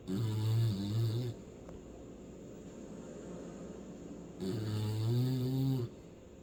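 Deep, loud, rumbling snores from a sleeping hound, two long breaths in about six seconds, with quiet exhales between.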